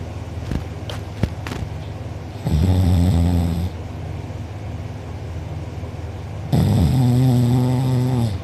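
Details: Heavy snoring from a sleeper who was out cold, recorded by a family member; mouth open and drooling, with a sore uvula and soft palate afterward. Two long, loud, rattling snores on breathing in, with quiet noisy breathing between them.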